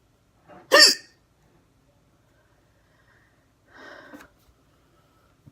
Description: Hard hiccups, camera focused on the neck as requested :)